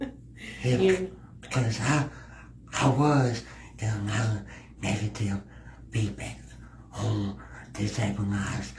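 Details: Male podcast guest with a disability who has a speech impediment; speech impediment.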